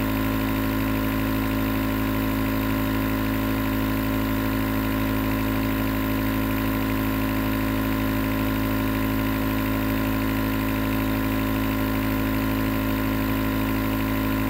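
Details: Nebulizer compressor running as white noise for sleep: steady, continuous mechanical hum with faint rapid pulsing; nebulizer running.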